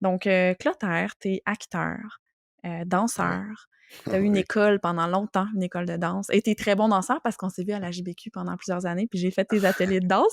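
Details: Adult speaker, French, with brief replies from a second voice; Normal fluent speech.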